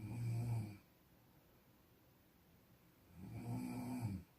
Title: 코고는 소리 - Sound of snoring